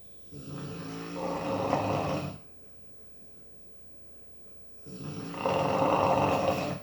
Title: Jasper snoring